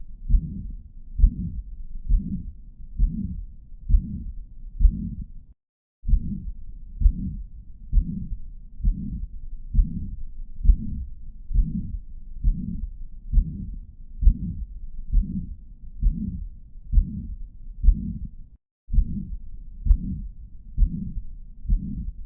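Steady heartbeat near 67 a minute with a blowing murmur filling the space between beats, typical of mitral regurgitation.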